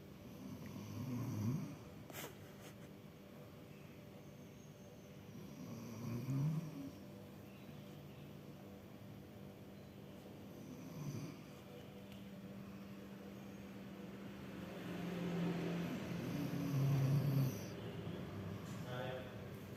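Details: A sleeping mother and father snore with low, rattling sounds that rise and fall with each breath over a steady room hum.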